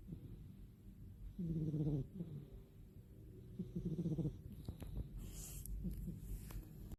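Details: Loud, low, rumbling fluttery snores on each breath from Mini, a sleeping cat, against some room noise; cat snoring.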